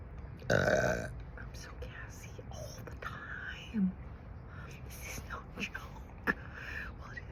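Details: Adult over 50, self-described as gassy and unable to stop burping, drinking coffee: one loud, low belch followed by several smaller throaty burps and soft vocal sounds; repeated belching.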